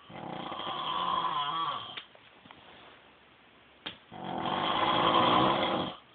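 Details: Husband snoring during sleep: two long, loud, rattling snores on breaths in, separated by a quiet pause with faint clicks.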